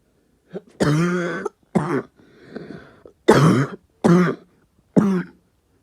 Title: New cough